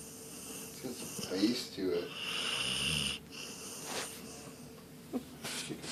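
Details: Whistling, rattling breath noises with a tonal squeak in short irregular cycles; noisy snoring.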